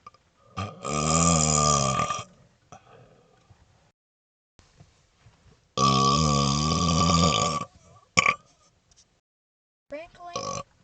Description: Having figured out how to burp smoke... here's my 1st video of smoky burps! :)